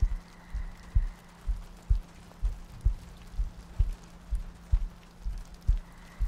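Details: ASMR sleep-aid loop of a heartbeat with soft breathing and rain ambience: soft, steady paired low thumps at about 64 beats a minute under quiet rain-like noise.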